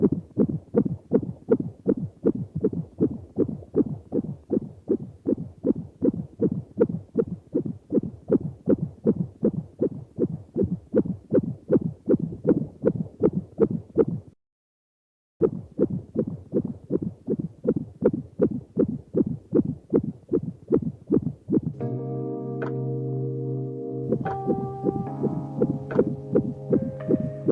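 Rapid, regular whooshing fetal heartbeat on Doppler at about 158 beats a minute, within the normal range.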